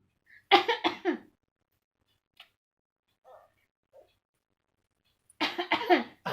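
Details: 9-month-old baby girl imitating a cough: two short runs of quick, light cough-like bursts; voluntary fake cough.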